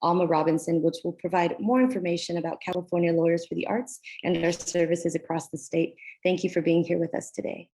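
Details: Adult woman speaking; normal speech.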